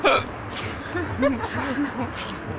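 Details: Hiccup in a Russian-speaking scene, the hiccuping person asking for a piece of meat to make it stop: a sharp, abrupt voiced catch followed by soft vocal sounds and room noise.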